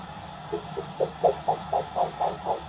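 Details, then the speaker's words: Cat blood pressure measurement with a Thames Medical Doppler unit and cuff: faint pulsing whooshes return and grow louder, about 125 a minute, as the cuff deflates; the first audible pulse marks systolic blood pressure. "that point where you can first hear the blood flow again is systolic blood pressure."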